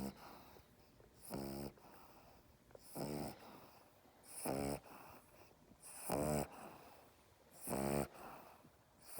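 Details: Small dog Chaney's inverted reverse snore while held in the owner's arms: rhythmic, buzzy, regular, fairly loud snorting snores, about 37 a minute; snoring.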